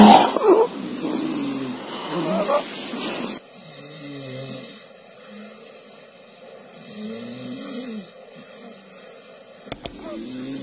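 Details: Infant sleeping deeply on mother's lap: soft grunting, snoring noises with each breath after brief louder noise; infant snoring, described as normal when without warning signs.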